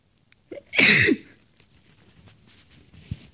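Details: Female sneezing, one of six powerful sneezes: a single loud, sharp burst of air with a brief inward breath just before it, then quiet room noise.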